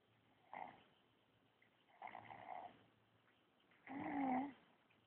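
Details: Sleeping baby snoring: three soft snoring breaths about every 1.5 seconds, each ending with a slight squeaky note.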